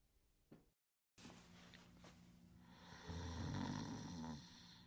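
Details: Sleeping and snoring soundly: a low, rumbling snore on inhalation, rising in loudness over the breath, with faint room noise; snoring.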